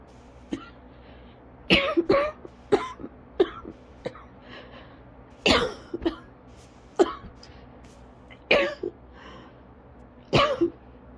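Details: Repeated bursts of dry, harsh coughing in clusters with short gasping pauses: an asthma coughing fit ongoing about 30 minutes, causing lightheadedness, dizziness and difficulty taking normal breaths.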